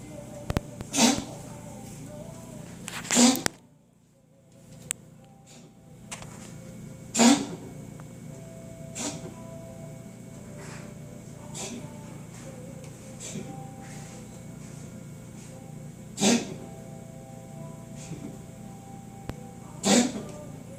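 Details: A pet gives about five sharp, dry cough bursts several seconds apart over a steady room hum; coughing fit.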